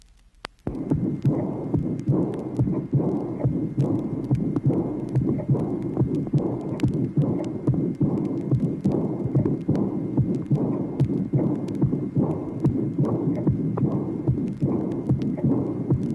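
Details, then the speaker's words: Aortic insufficiency, from a 1967 vinyl teaching record: regular heartbeat near 72 a minute with a soft, early blowing diastolic murmur beginning at a ringing, tambour-like second sound. "tracing number 21 aortic insufficiency early blowing diastolic murmur in addition tombor-like second sound marking the beginning of the murmur"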